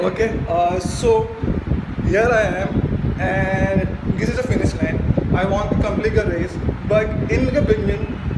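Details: Adult man from Mumbai who stammers, speaking at a stammering self-help group; stuttering.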